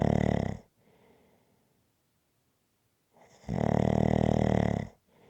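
Loud voiced snores on breathing in, with quiet breathing out between them; about two full snore cycles, rough and regular.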